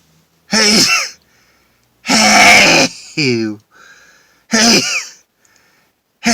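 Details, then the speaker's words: Adult deliberately inducing sneezes by sniffing pepper poured into the hand, sitting in a car and sneezing into a towel: three loud explosive sneezes, each a sharp intake then a forceful burst, in a small enclosed space. "I'm sneezing enough anyways without putting pepper up my nose but I will Oh Oh God oh I have to sneeze"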